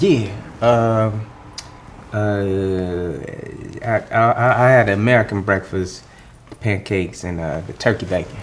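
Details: Adult male speaker, acted scene; typical speech.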